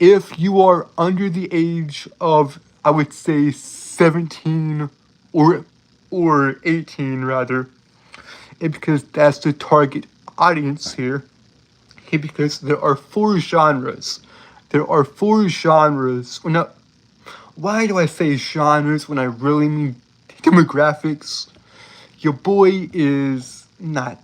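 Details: Adult male with self-reported speech impediment that makes him stutter and trip over words, embarrassed at how long a word took to say; stuttering-like speech disfluency.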